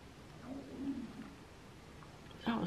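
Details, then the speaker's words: Woman over 50, hungry before breakfast, her audible stomach rumbling while applying eye make-up: borborygmi. "stomach rumbling if you could hear that clearly it's time i went and got some breakfast"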